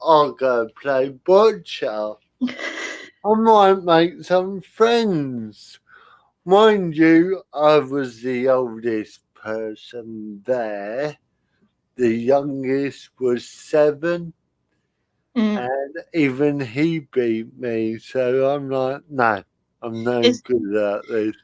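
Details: Dysarthria from spastic cerebral palsy in a male speaker who cannot control his limbs properly and whose speech is also affected.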